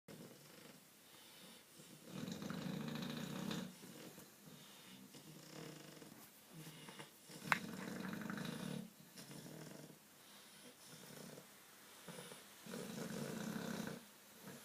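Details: Two sleeping English bulldogs snore loudly and roughly, with a strong snore about every five seconds; snoring.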